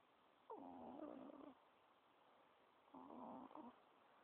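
Two short, whiny, tonal snore sounds come a couple of seconds apart over a quiet background. This fits snoring.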